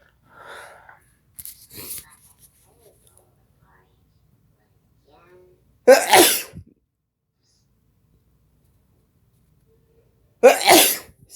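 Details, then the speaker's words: Two loud, forceful sneezes a few seconds apart, each with a short intake before the burst, in a quiet room; the adult deliberately induced them with chili powder nine years after adrenal cancer surgery; sneezes. "i'll always pick the flavor of the mask i'm gonna sneeze"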